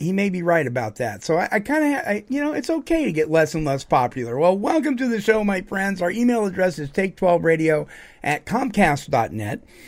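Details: Adult male radio host; typical speech.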